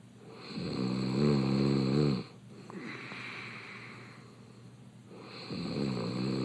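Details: Adult male reality-show contestant snoring with an open mouth in bed: loud, rattling snores on each in-breath, with quiet out-breaths between them.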